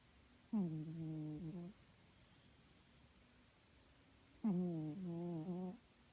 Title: My cat snoring